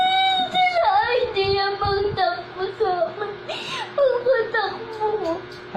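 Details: Child crying: a 4-year-old cries and wails in sobbing bursts with rising and falling pitch after running and scraping a wound, since washed with soap and treated with antibacterial cream.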